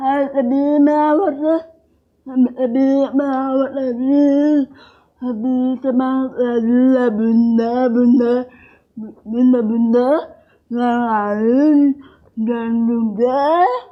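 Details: Young woman with cerebral palsy and speech difficulty since childhood; dysarthria (cerebral palsy).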